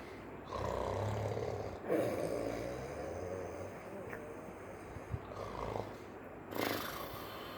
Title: 3 months old baby is snoring